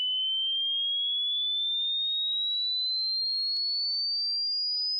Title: Hearing Test (how old are youre ears??)